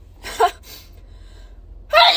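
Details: Girl taking a Covid-19 nasal swab test: a quick gasp and short sneeze, then a louder burst, set off by the swab tickling her nose in a quiet room.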